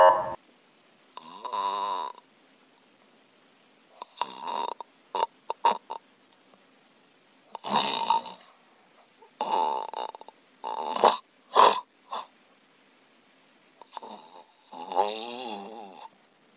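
Loud, harsh, irregular snoring with choked, fragmented bursts and pauses, signalling a nearly closed, obstructed airway.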